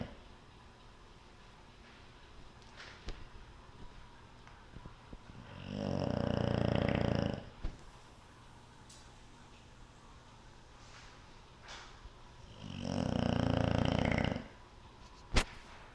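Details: Yum Yum snoring very loudly: two long, low rumbling snores about seven seconds apart, each roughly two seconds, with quiet breathing between.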